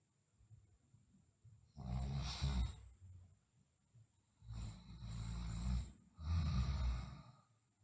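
Three loud, low, rattling snores, each on a slow breath, with quiet breathing in between. Snoring during sleep.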